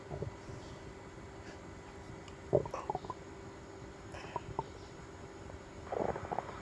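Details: Stomach ache after eating seafood: three short clusters of gurgling, squelching rumbles over a steady low hum; stomach growling, borborygmi.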